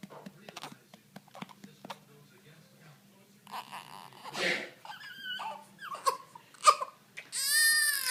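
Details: Soft fussing that builds into a short wailing infant cry, with faint background music; infant cry in a clip about burping.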